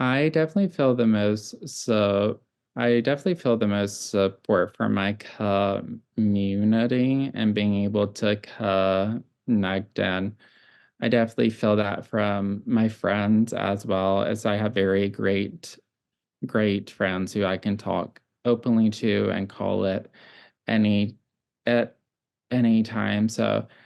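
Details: 26-year-old adult with childhood apraxia of speech, now classified as mild, whose speech varies by situation and day; childhood apraxia of speech (mild, adult).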